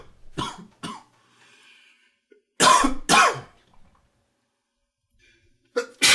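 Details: Several short, fairly dry cough bursts in pairs with a quiet wheezy throat sound between, during an average morning of allergies with sneezing.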